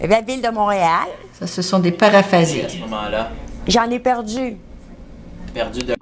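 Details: Female patient describing a picture card; clinician notes fluent speech with paraphasias and difficulty expressing herself, words roughly understandable; mixed aphasia.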